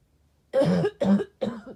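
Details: Adult with a cold-like illness: three harsh, moist coughs in quick succession.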